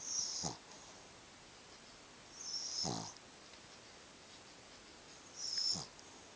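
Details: Dog snoring: three hissing, whistly breath noises about every two and a half seconds, roughly 22 a minute, over steady room hiss.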